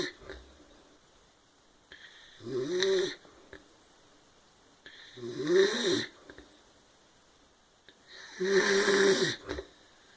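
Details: Brother, who claims he doesn't snore, asleep: three loud, rattling snores on the in-breath, roughly 20 breaths a minute, with quiet pauses between; ordinary snoring.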